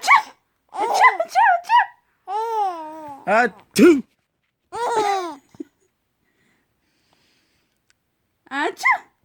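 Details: Baby laughing and squealing with a few abrupt sneeze bursts in a small room; ordinary sneezing.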